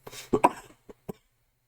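A short run of a few dry coughs in an adult, tailing off into faint throat sounds.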